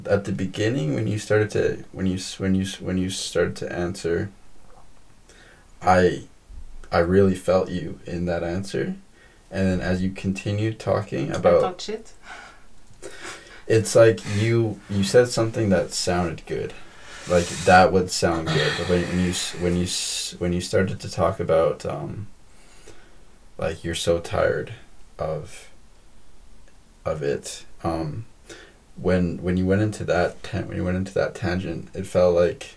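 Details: Stuttering in a female podcast guest who has a stutter; she is stuttering more than usual in this conversation, with word and part-word repetitions.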